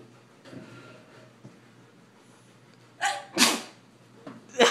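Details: A person's epic sneeze: after a quiet lead-in, a loud two-part sneeze bursts out, followed by the start of another.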